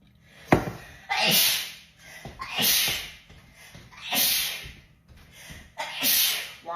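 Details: Rapid sneezing attack from a TikTok compilation: a quick run of four to five sharp, hissing sneezes about a second apart with short catching breaths between.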